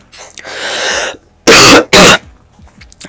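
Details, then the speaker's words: A breathy exhale, then two sharp loud coughs in quick succession with faint room noise, from the narrator while recording gameplay commentary; the speaker apologises for coughing so much. "Sorry about coughing so much."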